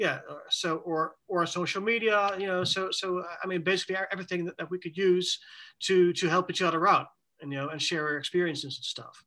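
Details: Adult male with self-reported cluttering, speaking in a conversational interview about the disorder; fast speech with repetitions and fillers; cluttering.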